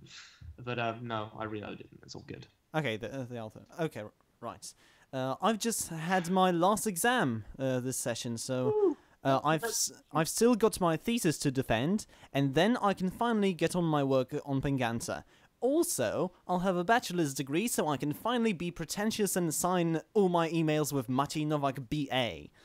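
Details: Male podcast host who stammers, recording standing up in a new setup to see whether he stammers more or less; stuttering.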